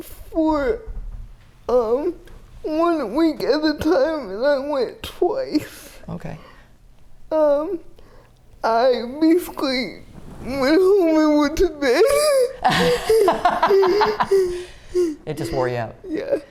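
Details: Dysarthria in a 30-year-old woman with GMFCS Level 4 cerebral palsy, quadriplegia with an athetoid component, uses a power wheelchair; speech may be hard to understand.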